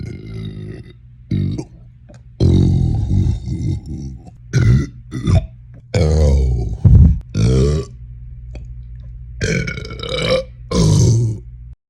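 A series of loud, deep, drawn-out burps separated by short pauses; repeated belching.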